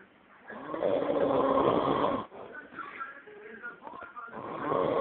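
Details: Man asleep and snoring very loudly: long, loud, rattling snore on the in-breath, a quieter gurgling out-breath, then the start of another snore.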